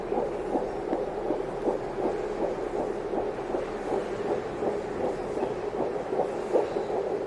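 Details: Fast, rhythmic whooshing pulses of a fetal heartbeat, about 158 beats a minute, heard on an 802 fetal Doppler; fetal heartbeat.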